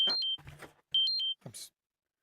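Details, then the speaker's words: Diabetes glucose monitor alarm sounding through the wearer's phone during a live podcast: two bursts of high electronic beeps with brief talk between. "Okay. Uh my my little diabetes alarm's going off. So it's goes all through my phone. So I was hoping we weren't hearing the beeping out there."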